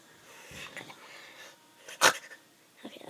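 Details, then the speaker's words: A deliberately produced sneeze: soft noises build up to one short, sharp sneeze burst in a quiet room. The person describes an earlier sneeze as sounding weird. Single sneeze. "And today... I sneezed earlier. Sounded weird. So, I'm gonna sneeze. It'll be the weirdest sneeze in the world."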